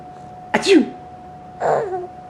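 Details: One abrupt sneeze that makes a baby laugh, then a brief vocal sound over a steady background hum.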